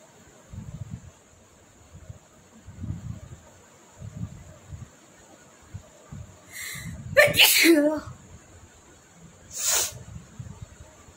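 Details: Sneezing challenge: after a quiet stretch of breathing and room noise, a sharp sneeze followed by a second, shorter sneeze.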